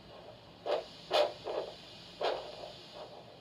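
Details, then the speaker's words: Handheld Doppler over the left dorsalis pedis pulse during ankle-brachial index measurement (ABI 1, normal) in a nursing cardiac assessment: pulsing whooshes over steady hiss, a normal arterial Doppler signal. "Now I'm going to calculate your ankle brachial index, which is an indicator for peripheral arterial disease, using a Doppler. This is dorsalis pedis pulse of the left foot."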